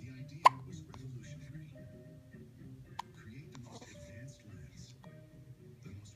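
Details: Hiccups: two sudden sharp hiccups, the first loud, over television talk and music in the background.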